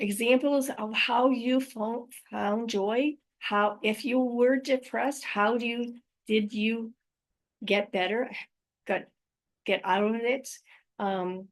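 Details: Adult woman with aphasia, apraxia of speech and dysarthria after a stroke in May 2019, speaking about her own condition; real post-stroke aphasia with apraxia of speech and dysarthria.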